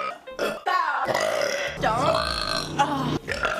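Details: Repeated burping by one person: several drawn-out, voiced burps with shifting pitch, one after another, over background music.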